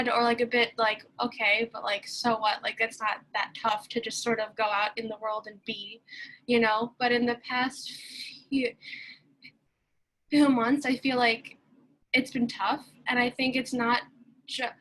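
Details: Young person who stutters, speaking at a convention for young people who stutter, with many long pauses and blocks between words; stuttering.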